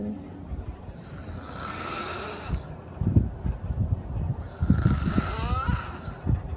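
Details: Loud, rough snoring with rattling low vibration on breathing in, separated by a quiet pause, with a brief snort toward the end; snoring.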